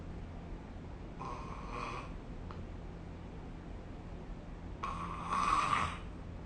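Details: Two raspy, fluttering snores about three and a half seconds apart over steady room hum, from an adult asleep, recorded with the SnoreLab app.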